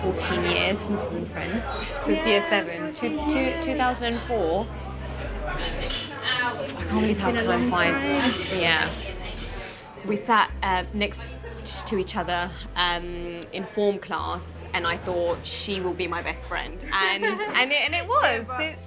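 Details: 24-year-old woman with a lifelong stutter of unknown cause, with silent blocks and repetitions; stuttering (stammer).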